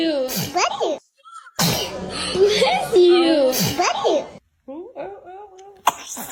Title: The baby sneezes#cute #interesting #kid #usa #happy